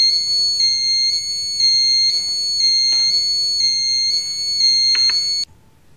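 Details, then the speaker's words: Redsense blood leakage sensor: steady high-pitched patterned alarm triggered by a simulated small blood leak reaching the fiber-optic sensor in a correctly attached sensor patch. "in this example the sensor patch is correctly attached to the patient and you will now hear that we also get an alarm from a smaller leakage"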